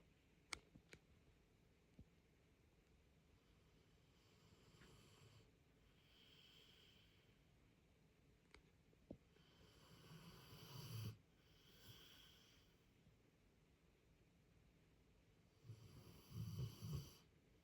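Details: Snoring at 4 am keeping the listener awake: quiet room with soft, slow breathing building into two rough, rattling snores on inhalation, with a few clicks between; snoring.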